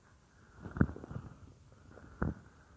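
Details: An adult woman's stomach heard as if lying on it while she works at a computer: low gurgling and rumbling in two bursts; ordinary bowel sounds (borborygmi).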